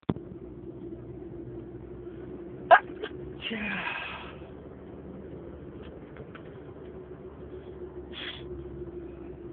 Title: Stifled sneezing fit